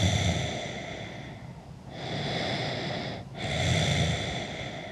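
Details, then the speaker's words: Slow, noisy breaths with a rough, snorting flutter in the throat and nose from an adult sleeping on his side, recorded over hours by his own mic hung just above his head; ordinary snoring. "I always fall asleep on my side and I always had a a microphone like right here and I captured hours of snoring of"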